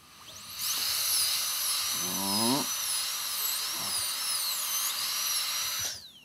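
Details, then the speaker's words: Licensed dentist drilling his own cracked tooth to prepare it for a crown; the crack turned out to reach the nerve, needing a root canal. High, steady dental drill whine that wavers in pitch, with brief background voices. "is a part where I can't see anything I'm kind of just drilling how I feel"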